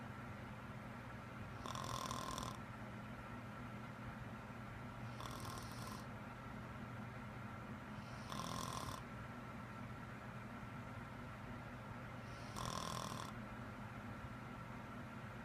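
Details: Adult woman with a serious, persistent loud-snoring problem of unknown cause: four rattling snores on inhalation about every 3.5 seconds over steady room hum; loud habitual snoring.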